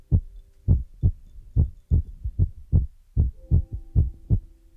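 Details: ASMR relaxation recording with a heartbeat trigger among feather, brush and ear-massage sounds, from a Chinese young woman: regular low thumping heartbeat at about 75 beats per minute with a faint hum behind.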